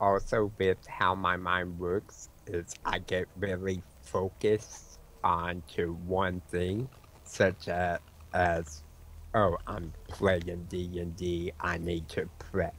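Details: Speech disfluency in an adult male with autism and a self-described speech impediment: words sometimes break up and he repeats words mid-sentence when his mind wanders; some people cannot understand him.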